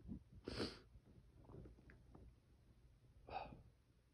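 Two forceful bursts of air through the nose and mouth, with quieter breathing between them; two sneezes.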